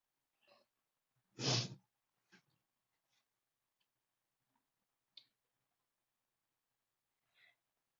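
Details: Sneezing fit at a desk: one loud, forceful sneeze with quieter breaths, sniffs and small catches around it in a quiet room.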